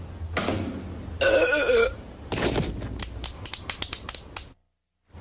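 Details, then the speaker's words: Loud drawn-out burps with throaty rumbling from a cartoon burping contest among kids, with mom objecting; burping. "mom what we're having a burp contest mom wow knock it off I do not allow burping in this house"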